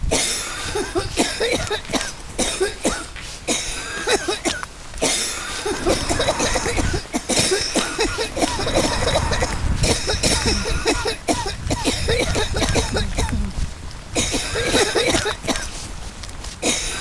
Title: Sound effect: coughing